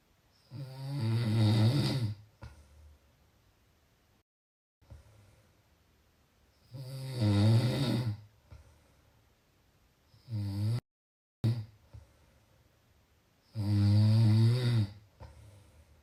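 Loud, low, rattling snores on each in-breath, about four in sixteen seconds, with quiet pauses between them.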